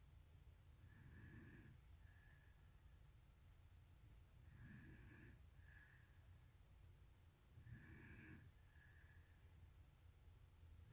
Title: Snoring!! 😍